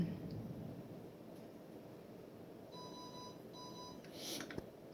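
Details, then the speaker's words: Astral home ventilator demonstration: repeating high electronic alarm tones in two short runs over quiet room hiss, then stopping as the alarm clears itself. "Now you see the alarm going off. If I take care of this alarm, and if I can fix it, it'll fix itself and it'll stop alarming."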